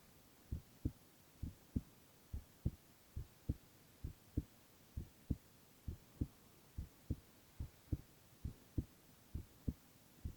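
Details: Male (boy) heart sounds in a silent, no-talking ASMR recording: steady, regular lub-dub heartbeat, about 67 beats a minute, over a quiet background hum; normal heart sounds.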